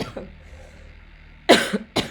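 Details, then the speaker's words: Adult with a bad ongoing cough during an online meeting: two sharp, forceful coughs about half a second apart after a brief quiet stretch, over faint room noise. "Aduh sorry banget. Ini lagi parah nih batuknya."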